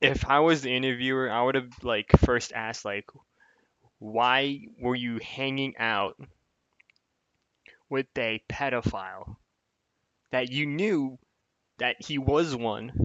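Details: Adult male speaker; typical speech.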